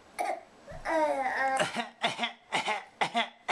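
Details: A young child with a bit of a cold gives a run of short, deliberate, voiced coughs; a playful fake cough, voluntary cough.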